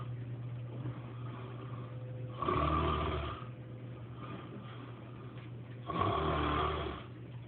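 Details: Real snoring from a man with years of sleepwalking, recorded on a phone while he sleepwalks and dances: two loud, rough, low inspiratory snores about three seconds apart over a steady room hum.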